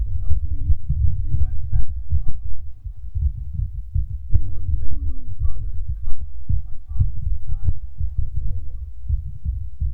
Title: Male's Fast Heartbeat Picked Up By Mic